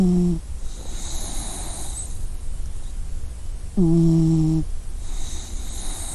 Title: Puppy snoring Sound Effect